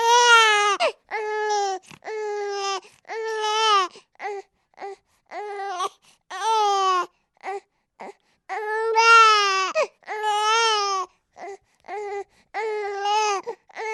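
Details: Sound-effect recording of an infant crying in a quiet room: rhythmic long wailing cries alternate with short gasping bursts and brief pauses for breath.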